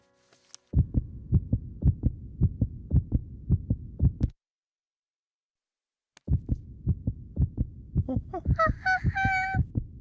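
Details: Steady cartoon-style heartbeat thumps at about 55 a minute, with a pause, then a brief whistle-like sound: an animated doctor's own heart heard through a stethoscope in a cartoon, not a real recording.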